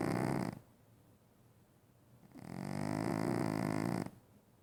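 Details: Very loud snoring: two loud, buzzing snores on the in-breath, separated by near silence.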